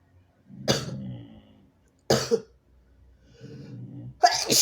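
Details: Sick nonbinary person: three harsh, explosive bursts, each preceded by a drawn-in breath, mixing harsh coughs and sneezes; cough.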